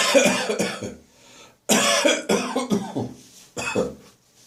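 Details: Morning coughing in a bathroom after bronchitis, clearing remaining phlegm, with gagging: two runs of harsh, dry coughs, about eight bursts, no wet rattle; dry post-bronchitis cough.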